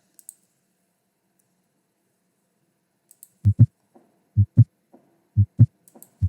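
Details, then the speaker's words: Simulated heartbeat near 60 a minute with paired low thuds: an S4 atrial gallop, a low-frequency late-diastolic sound from atrial contraction. "a true Gallup is the fourth heart sound S4 it is a low frequency sound sound that occurs in late diastolic feeling due to atrial contraction this causes vibration in the ventricular walls"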